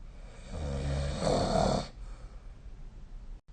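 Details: Single low, rattling snore on one breath, then quiet breathing and faint room noise; sleep snoring recorded with the SnoreLab snoring app.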